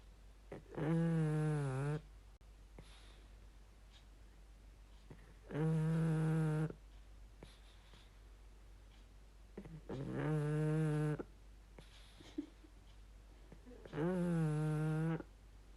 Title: Rupert Eli - snoring pug